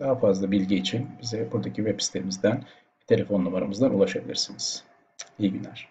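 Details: Adult male speaker; Normal voice.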